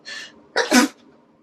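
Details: Girls taking a Covid-19 nasal swab test: a soft inward breath, then one forceful, explosive sneeze set off by nasal irritation from the swab.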